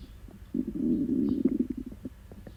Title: Diarrhea stomach noises..